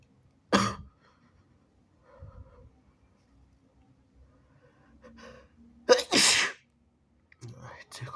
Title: wet sneezes & nose blowing (he/they)